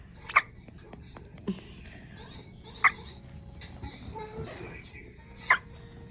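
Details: One-day-old baby hiccuping loudly: three brief, sharp hiccup sounds about every two and a half seconds, with soft adult talk and room noise in the background.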